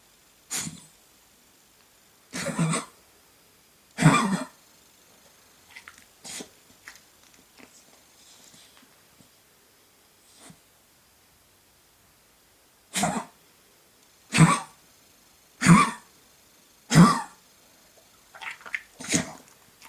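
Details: Goldendoodle-terrier mix with kennel cough, coughing at night: repeated harsh, dry coughs in two bouts.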